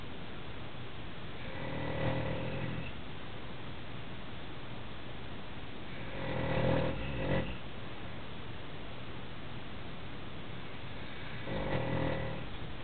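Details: Father snoring: three loud, rough snores on breathing in, about 12 a minute, over steady background hiss.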